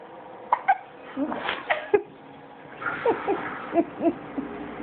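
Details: Hiccups in a sleeping female who is recovering while she sleeps: several short, sudden, jerky voiced catches at uneven intervals over soft room noise.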